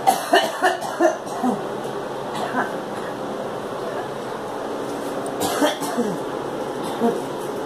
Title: Girl coughing